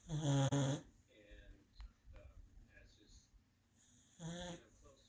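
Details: A black and white dog sleeping soundly in a blow-up collar worn for medical reasons, with two loud, low rattling snores several seconds apart and quiet breathing between: snoring caused by the collar.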